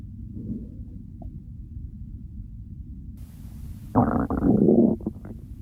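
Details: Real stomach growling during hunger, from a recording following digestion from hunger to fullness and bloating: quiet low rumbling, then a loud gurgling growl near the end; borborygmi.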